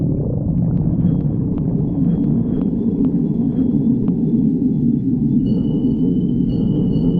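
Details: A continuous low, deep rumbling and gurgling runs through the whole recording, with faint high squeaks near the end: ordinary stomach growling (borborygmi).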